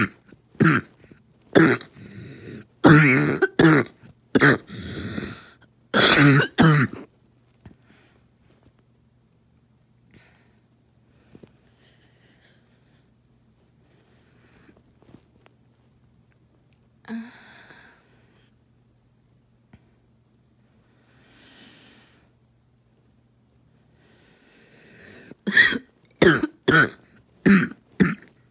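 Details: Person with asthma in a choking coughing fit: two clusters of harsh, forceful coughs, about a dozen in all, separated by a long quiet pause; asthmatic coughing fit.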